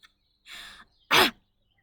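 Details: Adult woman with Tourette syndrome producing an uncontrollable vocal tic, then trying to suppress it; vocal tic.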